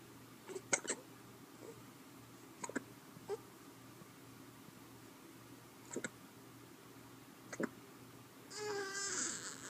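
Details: About six short, sharp hiccup clicks over ten seconds in a quiet room, ending in a brief fussy whimper; hiccups.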